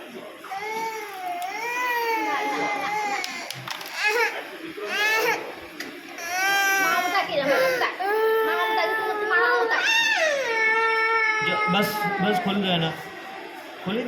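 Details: An infant cries in repeated, drawn-out wails that rise and fall in pitch, with adults talking quietly nearby; an adult remarks that the baby's breath is catching.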